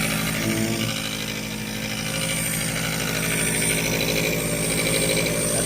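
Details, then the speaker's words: Steady buzzing motor hum with rapid pulsing rattle of a nebulizer compressor running while a child (Agape) receives nebulizer treatment at night. "Ay kung naririnig nyo pala maingay. Dahil si Agape ay nag-nebulizer."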